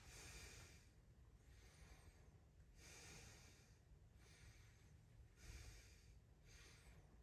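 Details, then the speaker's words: Adult patient taking deep breaths, stethoscope over the posterior chest: even breaths, clear bilaterally, respiratory rate 14 and unlaboured, no crackles, wheezes or rhonchi; normal breath sounds. "spent long sounds I clear um bilaterally um this patient respiratory rate is uh 14 and non Labor uh and um I don't hear any adventitious bread sounds uh no crackles no wheezing uh no ronai"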